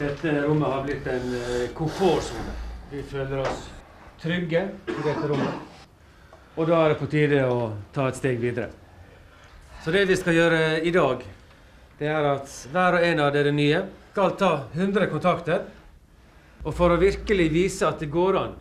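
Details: Adult male instructor; fluent speech.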